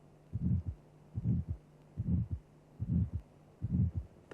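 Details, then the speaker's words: Simulated heartbeat near 73 a minute: a harsh, triangular crescendo-decrescendo ejection systolic murmur, systolic in time with the pulse; aortic stenosis, where the second sound is often diminished by calcified valve. "A triangular-shaped murmur occurring during the ejection period is referred to as an ejection systolic murmur. We will now demonstrate this murmur. First note the murmur is systolic in time with the pulse."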